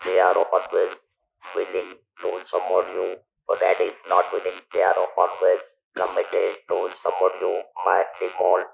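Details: Adult male survivor of stage 4 throat cancer for 10,000 days who lost his natural voice and speaks with an electrolarynx device; electrolarynx speech.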